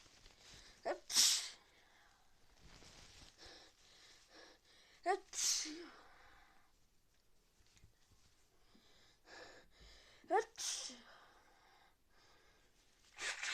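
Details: Sneezing in a person with a suspected cold after time in the rain, with fever, frequent sneezes and nose-blowing: three sharp sneezes, each with a quick in-breath, spaced several seconds apart.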